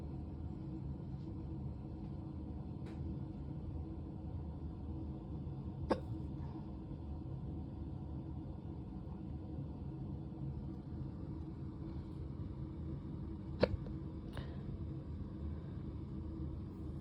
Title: drunk hiccups